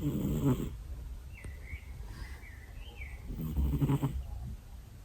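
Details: Male cat snoring loudly near the owner's ears: soft, low rumbling breaths with faint squeaky whistles in between.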